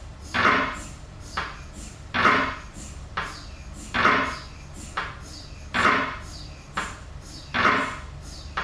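Loud, regular knocking bursts, about 33 a minute, with a metallic clanging quality: the repetitive noise of an MRI scanner running.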